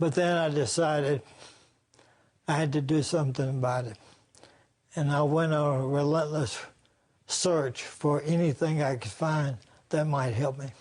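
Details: Adult man with ALS; after six months on a supplement he says his voice is better than before but not perfect, and he previously had excess saliva and trouble swallowing; dysarthria (ALS).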